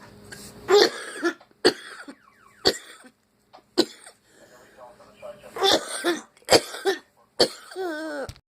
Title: Decided to record some of this coughing fit